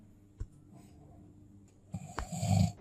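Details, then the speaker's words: A cat snores loudly while asleep, likened to a tractor engine. "هو فيه يا عم على الصبح وأنا نايم جنب موتور جرار ولا إيه؟ أنا مش عارف أنام منك دقيقة."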